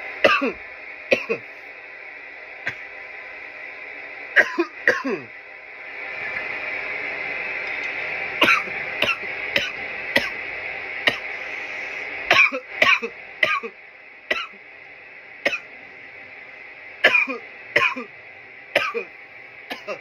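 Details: Repeated harsh, dry coughs in clusters over a steady background hum; coughing fits after inhaling from a bong.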